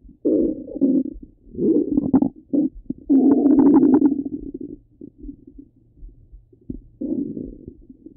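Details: Repeated bubbling, gurgling bursts with squeaky rises and quiet pauses; ordinary stomach rumbling, borborygmi.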